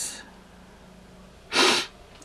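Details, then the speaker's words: Person with a very hoarse voice sniffling: a brief soft nasal breath, then one sharp hissing sniff through the nose. "just sniffling away"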